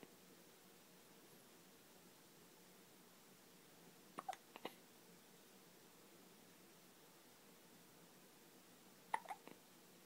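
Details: Two brief clusters of short, sharp hiccup sounds a few seconds apart in a quiet room, from a boy who has hiccuped often since before birth; ordinary hiccups.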